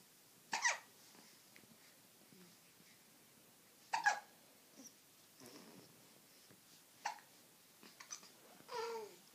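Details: Infant hiccups: short sharp catches of breath, about five in ten seconds, with small baby noises between.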